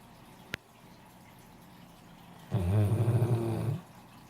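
A single deep, fluttering, rattling breath lasting about a second, heard in a quiet room: a snore.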